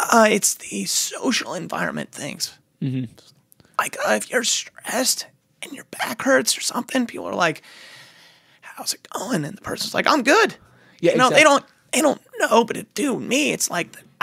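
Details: Adult male singer-songwriter describing recent challenges with muscle tension dysphonia: muscle tension dysphonia.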